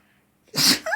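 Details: Red Labrador dog, female, at home before bed: one sharp, hissy sneeze after a quiet start, followed by a short snort; dog sneezing.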